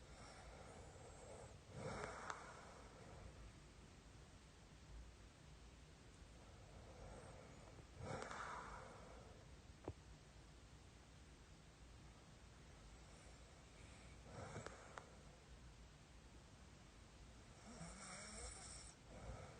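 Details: Man snoring beside his wife: rough, rattling snores about every six seconds, each a low fluttering noise on the in-breath, with quiet breathing in between.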